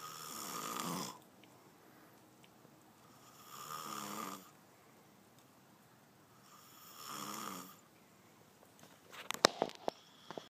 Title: I don't fucking snore dammit